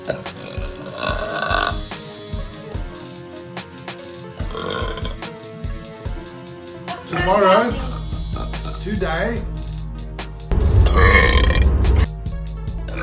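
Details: Girl burping: several loud, low, rumbling belches over background music.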